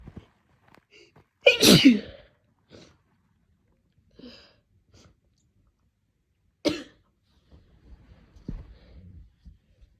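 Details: Person sneezing: two explosive sneezes separated by soft sniffs and breaths, then quiet rustling; more sneezes happened off camera, and a nose-blow at the end was held back because it was painful.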